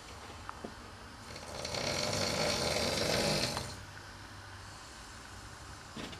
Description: the housemate who used to keep me awake at nights :)